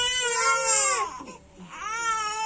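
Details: Young child crying loudly and tunefully, with a brief catch and dip in the middle before the wail resumes; ordinary distressed crying, with Telugu-speaking adults nearby.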